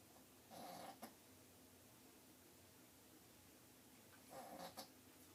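Two faint, hissing, buzzy snores about four seconds apart over steady background hiss: soft snoring.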